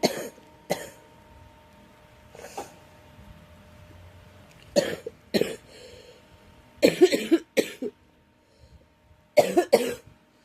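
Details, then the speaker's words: Girl with a cold coughing: about ten short coughs in scattered single bursts and clusters, with some throat clearing; an ordinary cough. "Excuse me. I am so sorry, everyone. I'm struggling with this cold."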